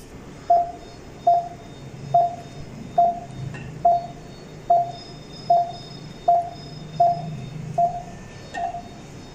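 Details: Drager Infinity Delta XL patient monitor connected to a simulator: regular short tonal beeps at about 75 a minute tracking a simulated pulse.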